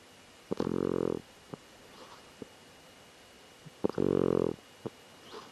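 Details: Cat snoring, which the owner says it rarely does, in two short buzzing bursts with small clicks and snorts between them. When it lifted its face it slept normally, so the owner suspects its sleeping posture caused the snoring.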